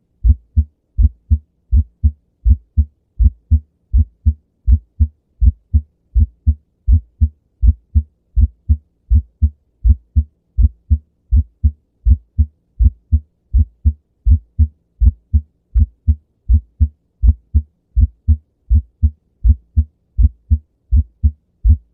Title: Heart sounds - S1 - Splitting of s1